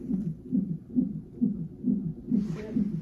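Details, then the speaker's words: Rapid, regular whooshing fetal heartbeat, about 136 beats a minute, heard from the bedside monitor in hospital triage while the mother was in labor. "So we are, this 9:31. You can hear heartbeat in the background."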